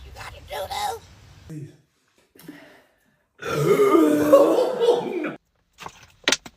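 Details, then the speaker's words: Long, rumbling, voiced belch of about two seconds during a burp challenge, after the person says their tummy is starting to hurt; brief sounds before and after. "Oh, my tummy's starting to hurt, babe. I got a burp."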